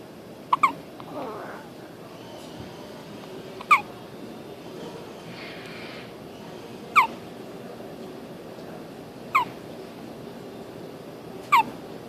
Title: 140321 hiccup